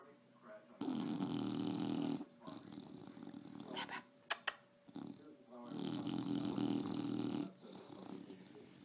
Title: Snoring Starbuck